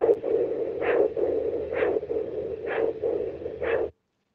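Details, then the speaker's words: Doppler recording of both radial pulses in a man with a congenital condition undiagnosed for 44 years: a whooshing pulse at about 65 a minute with the radial pulses simultaneous. This is the normal comparison against his delayed femoral pulse. "here are his radial arteries for comparison they're happening at the same time"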